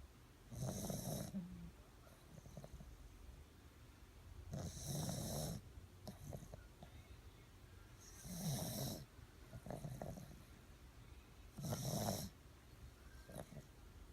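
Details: Rhythmic rattling snores, each followed by a softer breath, about every 3.5 seconds (roughly 17 a minute); ordinary snoring.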